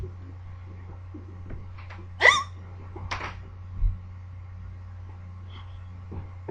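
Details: Persistent hiccups that would not go away: three sharp, abrupt hiccup sounds at irregular intervals against a quiet room hum.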